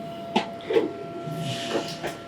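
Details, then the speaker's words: Steady mechanical hiss with clicks and puffs of air as the OxyGEN emergency resuscitator-bag ventilator starts cycling with the patient circuit connected, before the PEEP valve and manometer are checked. "the patient, we already notice that the device begins to work, check that the peep valve is what we want"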